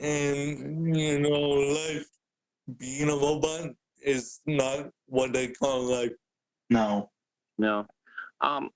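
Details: Adult man born with cerebral palsy, wheelchair user with physical limitations; the host notes speaking is hard for him; dysarthria (cerebral palsy).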